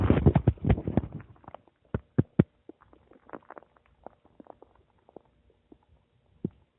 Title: My Stomach making noise 8